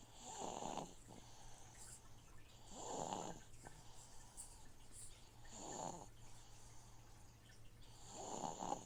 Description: Please enjoy my snoring baby while a noisy fishtank filter cycles water in the background :-)